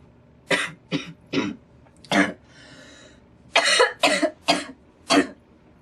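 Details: Girl coughing while smoking tobacco; cough.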